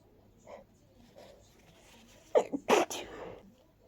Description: Just, more of the same cold 🤧🤧🤧 / Stuffy, sniffly sneezes into tissues this time 😵‍💫